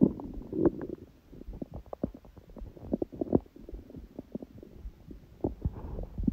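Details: Hunger stomach sounds, with sneezing: rolling gurgles and squelching pops of a hungry stomach growling; normal bowel sounds.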